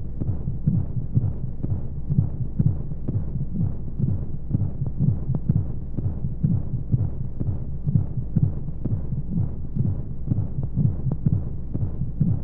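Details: Womb sound sleep aid for babies: steady low rhythmic thumps at about 125 a minute over a constant rushing hiss of flow noise and white noise, womb-like; heartbeat.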